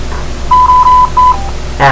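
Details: Drager Evita XL ventilator in CPAP spontaneous mode, demonstration: steady high-pitched alarm tones over room hum, an apnea alarm sounding because the patient stopped breathing and no breaths were delivered.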